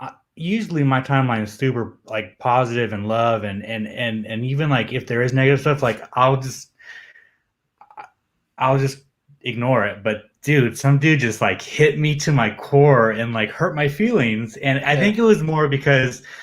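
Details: Adult male who says he has a stutter that becomes audible when he is nervous; real, self-reported stuttering.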